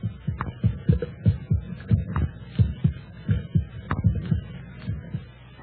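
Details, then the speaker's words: Radio drama heartbeat sound effect (1943 Cavalcade of America play "Lifetide"), described as the pulsating of a human heart: steady, deep paired thumps with a low hum. "that sound is the first and last sound in your memory it is the pulsating of a human heart"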